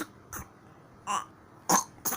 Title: anak bayi batuk ko dibuat buat🤣🤣🤭